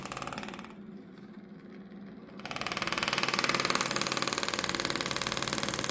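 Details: Shockwave (pressure-wave) therapy for plantar fasciitis on a woman's foot: rapid regular mechanical pulsing, about 230 pulses a minute, briefly quieter then louder, from a compressed-air handpiece applied with light contact and conductance gel at the fascia origin.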